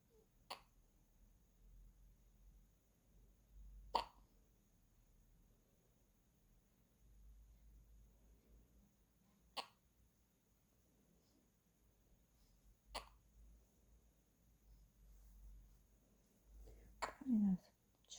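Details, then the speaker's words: Five or six soft, abrupt hiccups a few seconds apart, one with a small whimper: a newborn hiccupping while asleep after a morning feed. The room is 25.5°C; the baby wears a hat and socks and is held for warmth, and the mother thinks slight chill triggers the hiccups. "딸국질은 뭐 수시로 좀 자주 하니까음 이유는 특별히 없고 그냥 약간 추우면 예 약간 체온이 떨어지면 체온이 떨어지면"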